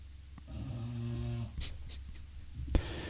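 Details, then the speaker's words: A loud, low, buzzing, rattly snore from a sleeping flat-nosed (brachycephalic) dog that had nose surgery shortly after birth, followed by a few room clicks. "That's why you can hear her snoring so loud. Because she's got a flat nose. But that's her telling you that she's very content and happy."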